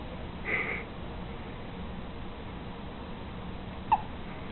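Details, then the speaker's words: Two-day-old newborn boy gives a soft, brief hiccup then a sharper one over quiet room hiss; newborn hiccups outside the womb. "first little hiccups outside the womb."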